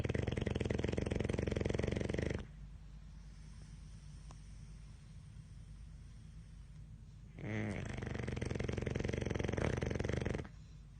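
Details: Male dog asleep: long, loud, rattling snores with quiet pauses, about five seconds apart; heavy snoring.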